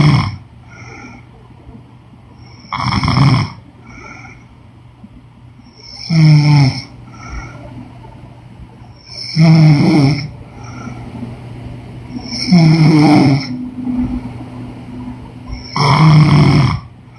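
Regular deep snorts on each breath, about 18 a minute, over a steady low hum: snoring.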